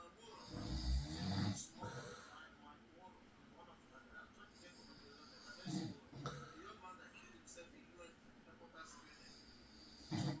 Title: Soft night i recorded my husband snoring • Peaceful Night Sleep Sounds – Real Recording